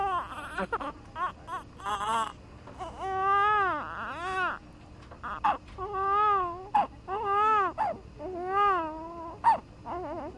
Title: Newborn Cries